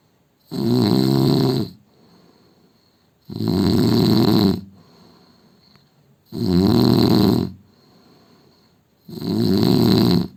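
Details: Loud snoring from an Indian man during sleep.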